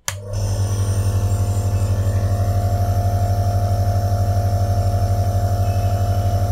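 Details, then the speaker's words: Meditive Handy respiratory compressor nebulizer switched on for demonstration: machine clicks on, then a steady, moderately loud pulsing motor hum, a compressor nebulizer working normally. "यहां पर मैं सिर्फ इसको आपको on करके दिखाना चाहता हूं क्योंकि आवाज़ आएगी इस वजह से आपको दिखा रहा हूं"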